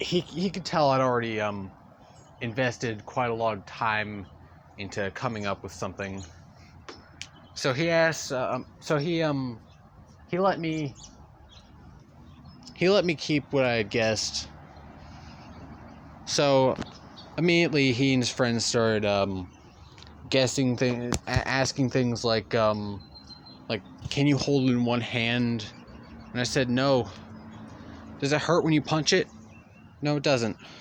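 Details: Male speaker who says he stutters; real stuttering throughout a long narrated story. Stuttering.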